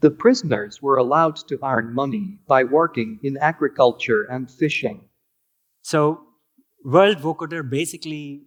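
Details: Adult male speech recording, followed by a presenter; healthy speech.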